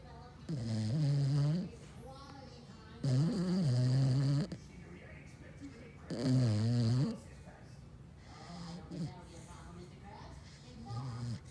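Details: A brother snoring loudly: deep, rattling snores about every three seconds, roughly 20 a minute, with soft whistling breaths between.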